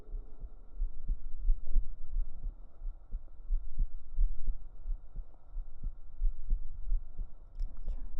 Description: Every heartbeat is real, recorded up close with binaural microphones so it feels like you're right here with me while I whisper you to sleep with slow hand movements and calming personal attention.